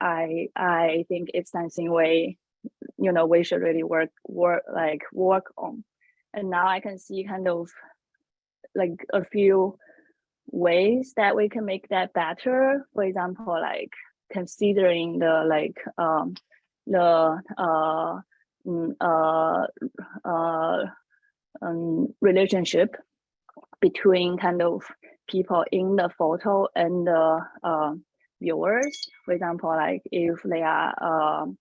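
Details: Adult woman who self-discloses a stutter and notes she may pause more when talking; stuttering.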